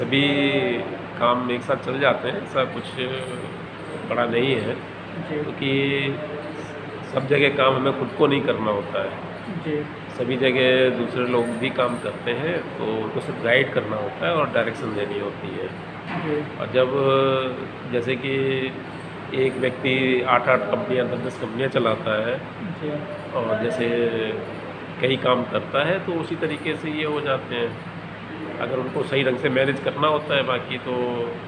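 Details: Adult man speaking Hindi; conversational speech.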